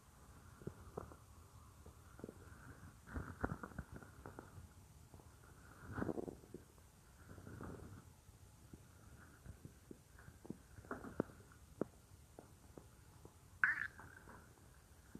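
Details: Real recording of a woman's own stomach, which she says sometimes gets loud, made for a roleplay: soft scattered gurgles and low rumbles over quiet background; ordinary stomach growling (borborygmi).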